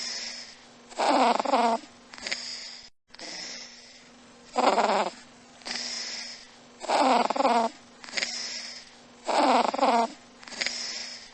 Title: This is supreme! Neural networks can already decipher cat snoring!